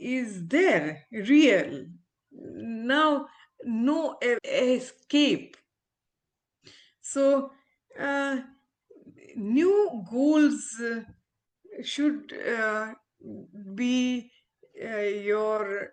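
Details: Adult woman, former ophthalmologist, with aphasia after a stroke, still recovering speech with speech-language therapy; real patient; aphasia.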